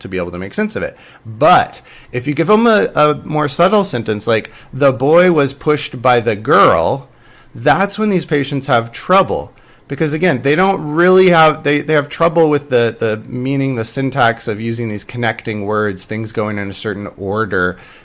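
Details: Adult male lecturer; normal speech.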